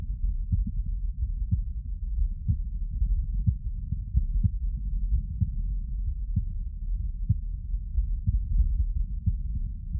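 Muffled low thumps through a stethoscope over a loud low rumble. Heart sounds, though the beats are hard to separate from the noise.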